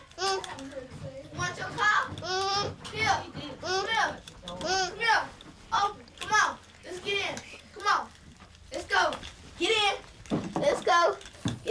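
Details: Child with a tracheostomy, bronchopulmonary dysplasia and tracheal stenosis, voicing with a tracheostomy speaking valve on.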